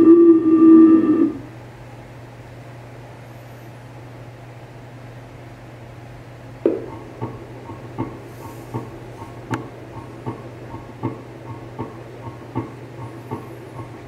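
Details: Simulated normal heart sounds from a geriatric nursing care manikin, played through the arm speaker with a smart scope after a brief tone: regular soft heartbeat-like clicks, about 78 a minute, over a steady hum.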